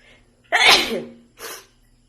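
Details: Cartoon sound effect of Pluto the dog sneezing, not a real recording: one sharp explosive sneeze, then a softer puff of air.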